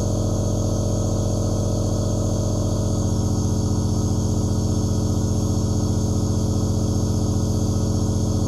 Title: Asmr Nebulizer Aerosol White Noise 1/2 Hour